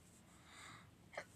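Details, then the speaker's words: A brief inhaled build-up then one sharp sneeze with quiet room noise, from a person with a head cold who says he seems to be sick. "Désolé si j'éternue, mais on dirait que je suis malade."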